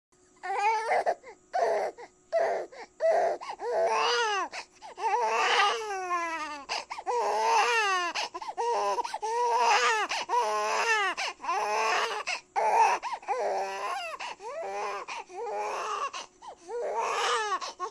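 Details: Baby crying: repeated high, strong wailing bursts with brief breaths between.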